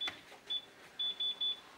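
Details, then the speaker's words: Five short high-pitched beeps as a blood pressure monitor powers on and its screens light up, indicating the machine is working during equipment testing. "you get some beeping and the screens turn on that's a good indication that the machine is [Music] working"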